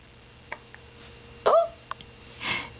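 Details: 7-week-2-day-old baby girl, 13 lbs, with hiccups: a few short, abrupt catches in a quiet room, one with a small voiced squeak like a squeaky toy.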